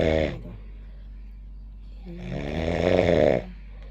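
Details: Sleeping cat, deeply asleep and not waking when handled after a long trip, gives rough, vibrating snoring breaths, a short one then a longer louder one, with quiet gaps and a faint low hum.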